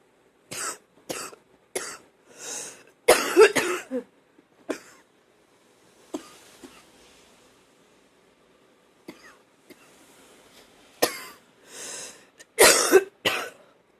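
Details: Repeated bouts of harsh, rattly coughing with gurgling tails, while coughing up phlegm; productive (wet) cough.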